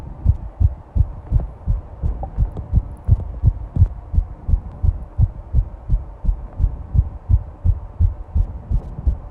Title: Fast heartbeat recording